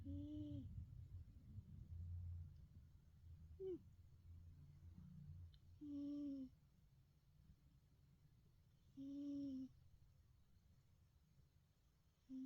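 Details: Soft, regular buzzing snores from a sleeping cat, about one every three seconds, with quiet room noise; harmless snoring.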